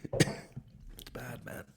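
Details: Adult podcast host who mentions wheezing: a single harsh, throaty burst, then a few softer breathy noises in a quiet room; brief cough or throat clearing.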